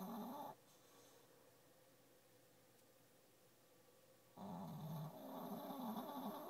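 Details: Female dog snoring under the desk in the morning: rough, rumbling snoring noises with a quiet gap of a few seconds in between.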